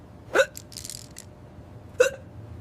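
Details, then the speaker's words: Hiccups: two sharp, brief hiccup sounds about one and a half seconds apart over low room noise. "It starts with your diaphragm, your breathing muscle. When it spasms, it's like a drum hitting air. Air rushes in your throat slams shut."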